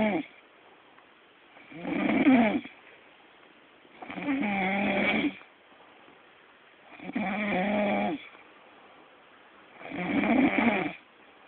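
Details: A man who claims he never snores: four loud, rough, rumbling snoring breaths, about 20 a minute, with quiet pauses between.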